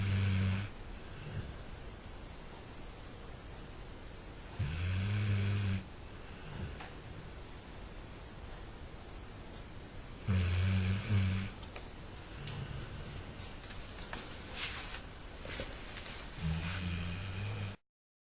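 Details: Sleeping Labrador puppy snoring: slow, low rumbling snores, a few per minute, over steady room noise.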